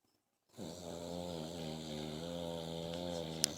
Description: My man snores like little nickie